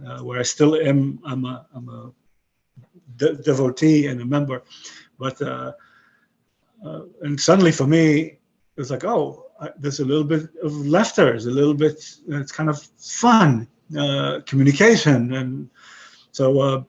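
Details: 62-year-old man with aphasia after a stroke about 11 years earlier; he has kept broken English and Hebrew but lost his other languages; aphasia.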